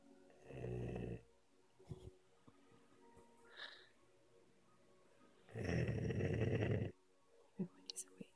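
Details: One sleeper snoring while another sleeps nearby: two loud, rough, rattling snores about five seconds apart, with quiet breathing and faint noises between; snoring.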